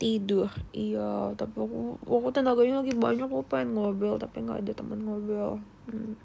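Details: Adult female Indonesian speaker with self-reported real rhotacism ('cadel' with R), where word-initial R cannot be produced and word-final R can only be forced: rhotacism (R sound difficulty).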